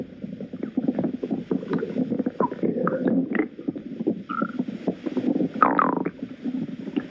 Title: Principal’s Stomach Growling